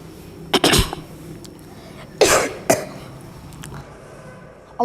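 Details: About four short, dry coughs from a child, in two pairs separated by quiet room noise, just before the call to prayer (adhan) begins; plain coughing.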